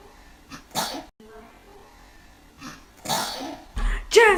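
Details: A little girl sneezing at a kitten in a quiet room: a few short explosive bursts of breath with a voiced sound, fitting small sneezes, and a child's voice at the end.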